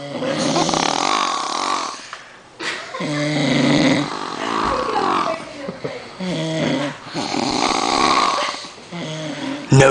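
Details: Person sleeping and snoring loudly, secretly recorded as 'the dreaded snore beast' while onlookers keep quiet.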